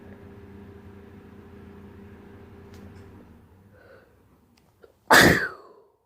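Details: One loud, forceful sneeze after a brief intake of breath over low room hum, one of 5 sneezes in 38 seconds.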